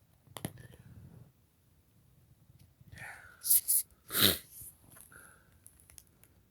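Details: Sneeze triggered by black pepper on hummus: quiet room, then a sharp catch of breath, a hissing sneeze burst and a soft exhale.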